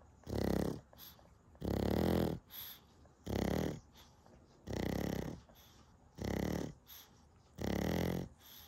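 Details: Boarding dog sleeping after a day of activity, snoring: rhythmic, rumbling snores, each with a softer exhale, roughly 20 breaths a minute.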